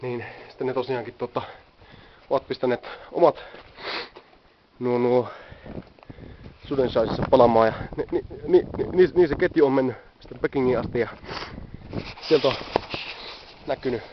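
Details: Adult man who stammers, speaking Finnish outdoors while on the Great Wall of China; stuttering.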